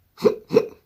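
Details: Person with Tourette syndrome whose tics worsened since March: two quick, voiced hiccup-like sounds in a row, a vocal tic.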